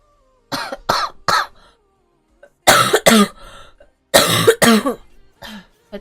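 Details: Girl coughing: three quick sharp, fairly loud coughs, a pause, then two more pairs of coughs in a quiet room.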